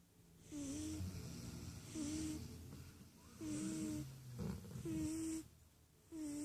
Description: My dog Butterball and cat Clarice are caught sleeping and snoring together.